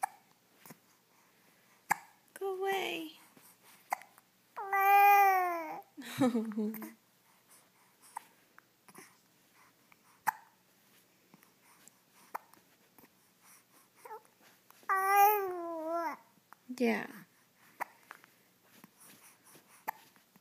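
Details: Hiccups in a baby: brief vocal sounds and fussing between sharp, short hiccup catches.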